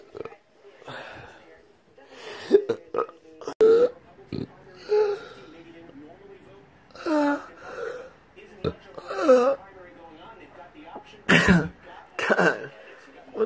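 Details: Choking spasm in a patient with choking spasms and intractable hiccups since 2015, off reflux medication before pH/manometry testing: repeated belches, short coughs and strained gulping catches in a quiet room.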